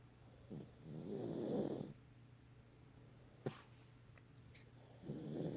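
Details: Female dog snoring during sleep, which the owner says happens every time she sleeps: rough, rumbling snores on each in-breath, separated by quiet out-breaths.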